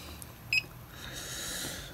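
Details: Device power-on beep: a single short electronic beep against quiet room hum as a 12 V OpenVent Bristol V2.0 COVID-19 emergency ventilator (Ambu bag-based) switches on and wakes its display.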